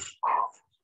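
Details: Inspiratory stridor in a child, demonstrated during paediatric respiratory assessment teaching.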